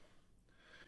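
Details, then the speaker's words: Faint, low snorting breaths in a quiet room from George, a Great Dane, snoring in the background, picked up on a music-recording microphone. "can hear my you can hear george the great dane of the house um and he is snoring and you can hear him and i thought well do i want to get rid of it do i just want to leave it i decided just to leave it"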